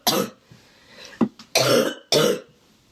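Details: Three harsh, loud cough bursts and a brief throat catch from an adult woman who has been congested with sniffles and a cough for a couple of days, which she attributes to windy, dusty air; barking cough.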